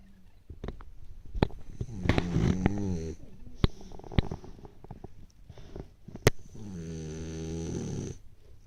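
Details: Snoring during sleep: low rattling, droning snores on two breaths, with sharp clicks and small room noises between them.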